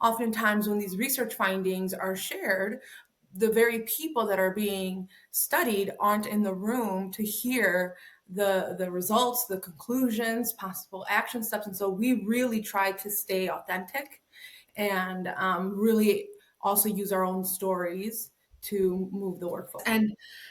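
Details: Adult woman speaking; normal speech.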